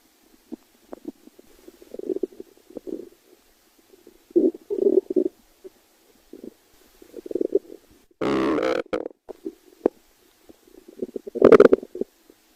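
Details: Stomach growling: bursts of low gurgling and bubbling from the belly as gas and fluid move through the gut; borborygmi.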